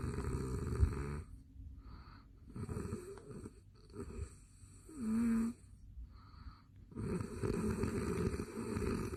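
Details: Adult man, self-described habitual very loud snorer, recorded asleep late at night: loud rough rattling snores with quieter pauses between breaths.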